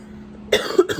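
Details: A single short cough in two quick bursts after a quiet moment, from an adult.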